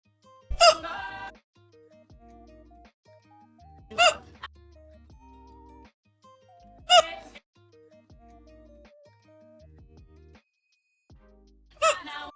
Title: Hiccups. Someone please stop me!